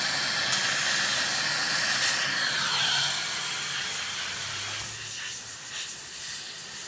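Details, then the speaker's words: Indirect retainer bonding, demonstrated on a large model: continuous loud hissing dental water spray with gurgling suction rinsing off etching gel after 15–30 seconds. "мы подождали от 15 до 30 секунд смиваемм всё"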